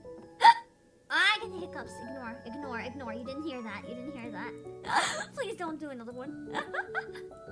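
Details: Hiccups.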